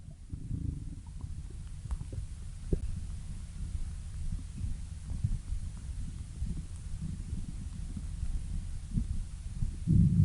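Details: Stomach growling (borborygmi): low, continuous gurgling rumbles with a few louder bubbling surges.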